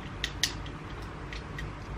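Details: Two quick sharp clicks over room noise: the spring-loaded lancing pen of an Arkray blood glucose meter being cocked and fired.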